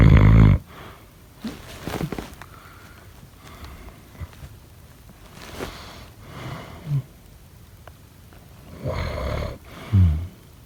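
Low, rough snoring noises come through irregularly during sleep, mixed with quiet room noise.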